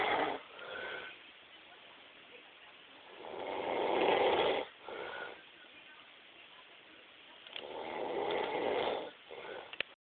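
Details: Rough, rattling snores during sleep, each over a second long with quiet pauses between, about 14 a minute: snoring.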